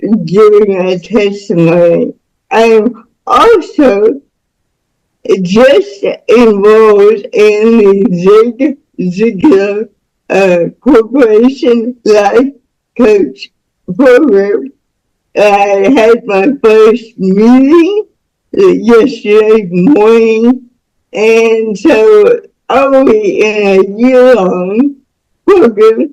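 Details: Woman about to turn 49 with spastic cerebral palsy since birth, which she attributes to being born with the umbilical cord around her neck five times; real, unacted speech; speech in cerebral palsy (dysarthric speech).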